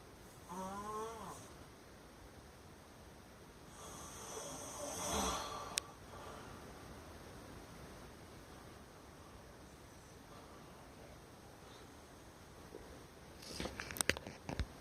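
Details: Man snoring in sleep: one loud snort-like snore that wakes him, then quiet breathing and some rustling.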